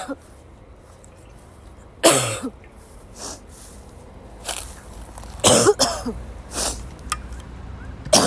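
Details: Sick young woman woke up sick and had a violent coughing fit in class, unable to stop; several harsh, dry cough bursts in a quiet room with gaps between: persistent coughing fit.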